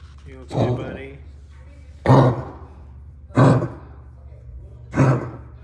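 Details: Four short, harsh coughs about a second apart, each with a sudden burst and brief fading tail, in a quiet room: an animal's cough.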